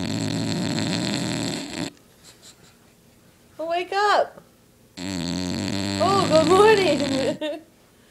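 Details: Loud, rumbling, rattling snores from a fat sleeping bulldog, exhausted after playing hard during two weeks of boarding, with a person briefly calling it to wake up between snores; snoring.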